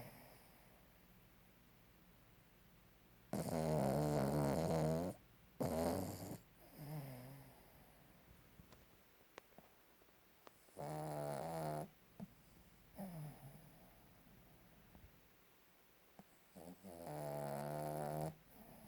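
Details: Sleeping dog snoring: loud, rough, fluttering snores in irregular bursts between quiet pauses, in a small quiet room.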